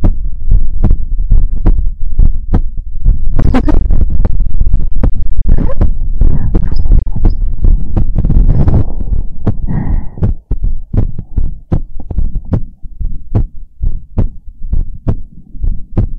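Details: Loud, thumping, ordinary heartbeat picked up close to the chest for an ASMR heartbeat-sounds recording, with rubbing and handling noise.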